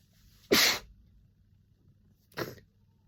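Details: Person with a summer cold sneezing nonstop: messy, rapid, violent sneezes, with snotty nose blows: sneezing.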